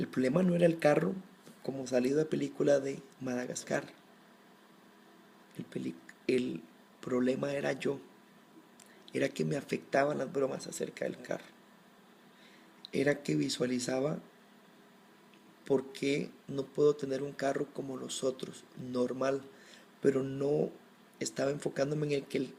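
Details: Adult man who has stuttered since early childhood and still does at times, more or less depending on the situation; stuttering.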